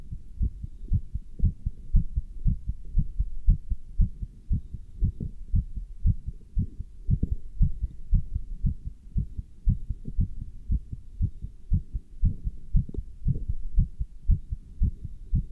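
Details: Person wearing a stethoscope with a chest band while standing still and lifting dumbbells: fast, steady low thumping heartbeat at about 115 beats a minute, quickened during exertion.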